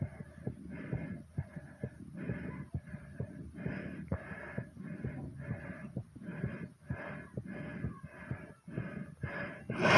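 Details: After deliberate exercise to make the heart race and the breathing very hard, fast, heavy breathing with quick breaths in and out over a racing, pounding heartbeat; rapid heartbeat with heavy breathing after exercise.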